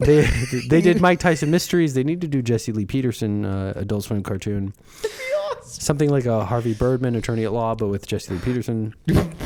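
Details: Adult male speaker; normal speech.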